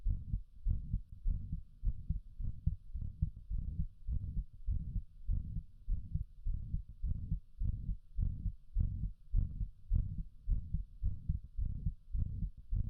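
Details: Regular low heartbeats near 103 a minute with a whooshing sound filling the gaps between beats; heart murmur.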